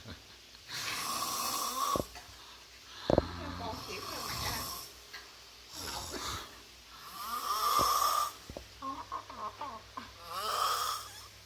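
Loud, rattling snores on each in-breath, about five over eleven seconds, some with a whistling tone; heavy snoring.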